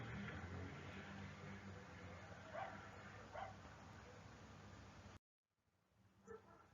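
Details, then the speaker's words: Continuous low-pitched snoring-like rumble through breathing with coarser bursts, from air through narrowed large bronchi with swollen mucosa or mucus, typically changing with cough: rhonchi. "Y finalmente tenemos el roncus, que es un ruido pulmonar accesorio que se produce al pasar el aire por los bronquios de gran tamaño y que están estrechos, y la mucosa se encuentra con tumefacción o porque hay muchas mucosidades. Y suena como un ronquido y generalmente se modifica a través de la tos."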